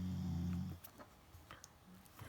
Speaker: honestly I do I do apologize if you can hear snoring it's Ruby I will try to insert a photo of her sleeping at the moment